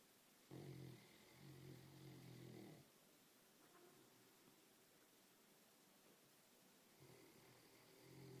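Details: Low rumbling snore of about two seconds, a quiet gap, then another beginning, in a quiet room; ordinary snoring.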